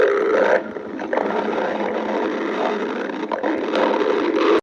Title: Girlfriend stomach growling